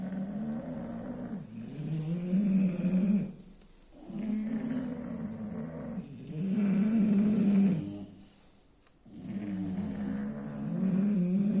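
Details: Sleeping bulldog snoring: loud, rough, droning snores on each breath, about three cycles in twelve seconds.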